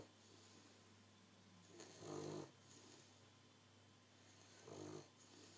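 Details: Snoring during sleep: two soft snorts on breathing in within about six seconds, over a steady room hum.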